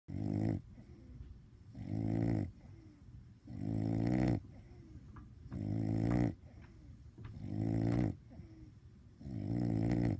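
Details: Loud rattling inspiratory snores, about six in ten seconds, with quieter breathing between, from a sleeping bulldog wearing a cone; snoring.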